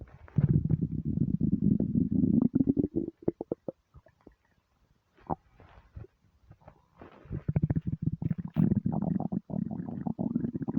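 Loud, low, gurgling rumbles in irregular bursts with short pauses, stomach rumbling from hunger.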